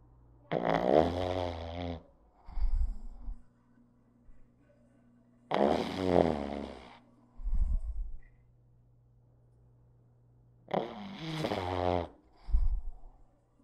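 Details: Close-up of a sleeping pug snoring: loud rattling snores on each breath in with short snorting sounds on the breath out, about 12 breaths a minute.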